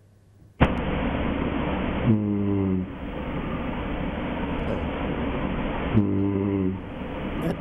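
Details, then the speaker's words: Second example of soft palate snoring, described as slightly different from the first: two low, buzzing snores about four seconds apart over steady breath noise. "burası biraz daha farklı ama bu da yumuşak damak tarzı zorlama"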